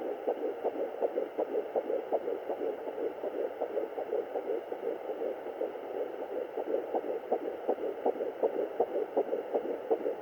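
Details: Fetal heartbeat on a fetal Doppler at 10 weeks 6 days of pregnancy: fast, steady whooshing pulses at about 160 beats a minute.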